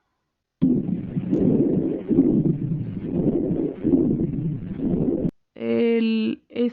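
Coarse, low-pitched continuous rumbling that swells and fades with each breath, consistent with rhonchi; a brief tonal musical sound follows at the end.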